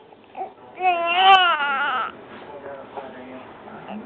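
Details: Infant crying: one short wail rising then falling, with quiet fussing afterward; an ordinary baby cry.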